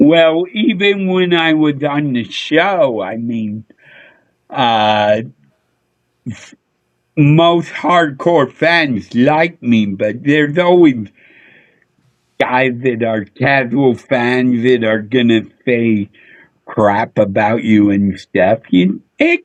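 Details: Adult male with a neurological problem; MRI showed an underdeveloped back of the brain; head hit a dashboard in a car accident when younger; slurred speech mistaken for drunkenness.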